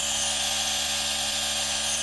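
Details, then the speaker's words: G-Tech Compact DC1 compressor nebulizer running: steady high-pitched motor hum and hiss, quieter than other models, producing plenty of mist continuously. "Look, it doesn't make as much noise as other models."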